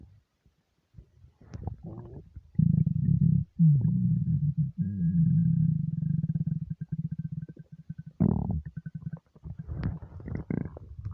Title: nonstop stomach rumbles